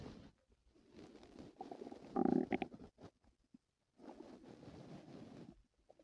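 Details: Stomach noises and growls from a person whose stomach hurt the previous night; bowel sounds (borborygmi).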